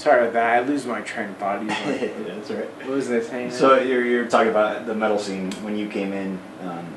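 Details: Adult male speaker; conversational speech.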